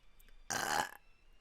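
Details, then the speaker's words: Young woman burping into the microphone on a stream: a single loud, rattling burp lasting about half a second, with quiet room noise; belching. "just burping this microphone real easy i'll do it we'll do it at the same time huh"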